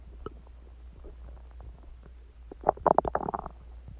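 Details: Stomach growling about an hour after eating eggs and ice cream and drinking Coke, audible unaided: gurgling, bubbly bowel sounds in irregular bursts, loudest toward the end, over a steady low hum.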